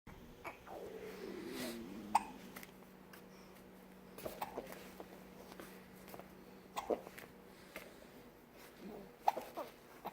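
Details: Four sharp, brief hiccups about every two to three seconds over low, steady room noise; a case of hiccups.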